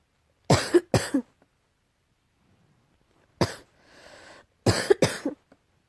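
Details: Coughing, tagged as allergy: about five short, harsh coughs in pairs and a single, with a brief hissy breath between.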